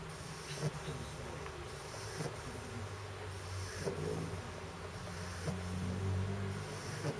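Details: Pug dog snoring: low, buzzing, rattly breathing with a soft snort roughly every one and a half seconds.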